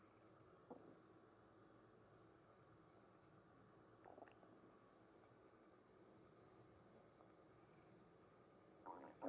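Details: Stomach noise (bowel sounds): faint, scattered gurgles and short rumbles over steady background hiss, ordinary bowel sounds.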